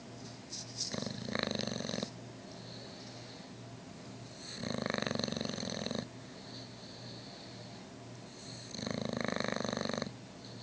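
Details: Three long, rattling snores about four seconds apart over a faint steady hum, from a sleeping dog: snoring.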